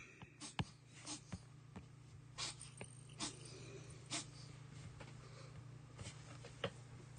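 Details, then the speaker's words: A cat having an asthma attack makes repeated short, harsh hacking and snorting breaths in the background. "uh my cat is currently choking to death in the background because of a [ __ ] asthma attack so I'm sorry if you hear that"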